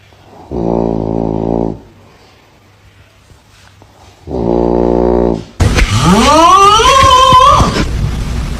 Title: Ranking funniest snoring ever 😂🤣 #funnyprank #funny #hilarious #snoring # #scarypranks #comedy